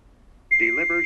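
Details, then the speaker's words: Silence, then a sustained high electronic tone under voice prompts ("shock advised, charging, stay clear of patient") as an AED charges before a shock, during a simulated cardiac arrest skills test with bystander CPR; AED charging alert tone. "analyzing heart rythm stand clear do not touch the patient do not touch the patient shock advised charging stay clear of patient"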